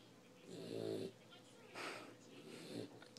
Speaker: She's still snoring. Not awake.